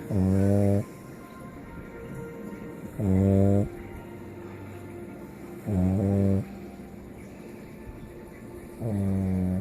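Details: Snoozing on a lazy day: four loud, droning, buzzy snores at roughly 21 a minute, with a low background hum between them; snoring.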